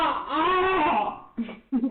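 One drawn-out, high-pitched wail followed by two short fussy sobs, an infant crying.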